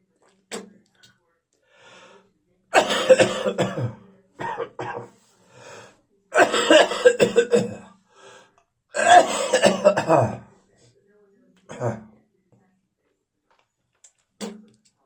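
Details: Repeated harsh, wet coughing bouts with throat clearing and spitting from an adult after a viral illness: post-viral cough.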